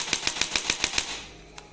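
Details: Rapid train of seven sharp clicks, about seven per second, then a single later click: a digital electric chiropractic adjusting gun (up to 1100 N) with its second attachment firing in the third mode, with more power and speed.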